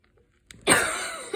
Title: post run cough part 2, includes inhaler usage